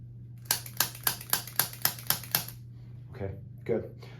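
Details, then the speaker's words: Eight quick sharp clicks about a quarter-second apart from a chiropractic activator instrument on an infant's neck, held by the parent, at the first adjustment, then quiet room and soft baby noises; infant referred for neck immobility and early misshapen head. "what what we're going to do is you're going to hold him and as you hold him I'm going to go through using the activator and just gently go through what I find"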